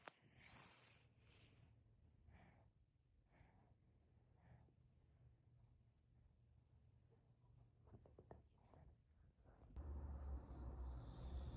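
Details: Sleeping small Shih-poo dog snoring: soft, rhythmic snuffly breathing noises against room noise, ending in loud handling noise.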